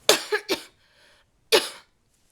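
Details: Adult still sick with a cold-like illness and a doctor-diagnosed left ear infection: three sharp, forceful coughs, two close together and one after a pause.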